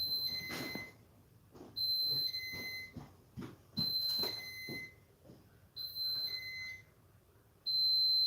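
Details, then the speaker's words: Enteral feed pump left on the counter and not turned off: repeated high electronic beeping in bursts, an alert that the device needs attention. "they left Luke's feed pump on the counter and didn't turn it off"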